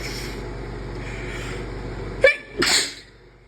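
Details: Deliberately induced sneeze: steady background hum, then a sharp inhaled catch and a single forceful burst of air.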